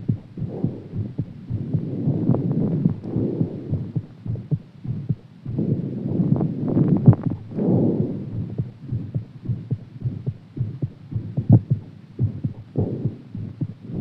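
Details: Deep, fast thumping heartbeat partly buried under rubbing and handling noise, recorded after exercise; heartbeat after exercise.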